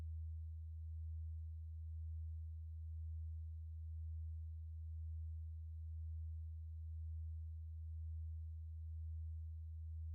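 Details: Hearing test tone, companion audio for a spreadsheet: a steady low-pitched pure tone at a quiet level with gentle, regular pulsing in loudness.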